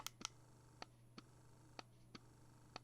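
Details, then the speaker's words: Electric breast pump (Medela Pump in Style discussed) switched from fast letdown mode to slower expression mode; slow, regular mechanical clicks over a low motor hum, mimicking a baby's slower sucking once milk flows. "do you hear the difference that's let down that's expression so let down mode is fast"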